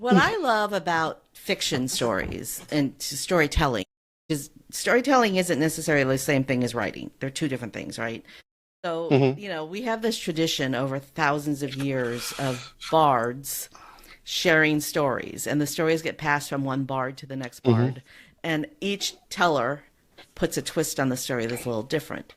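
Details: Adult speaker; normal speech.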